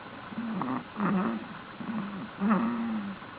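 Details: Sleeping cat snoring: soft, low rumbling snores over two breath cycles with a faint purring quality.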